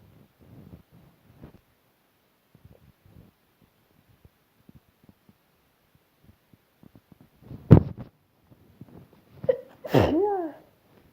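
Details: Quiet rustling, then a sharp burst at about eight seconds and a louder voiced burst near ten seconds; sneezes.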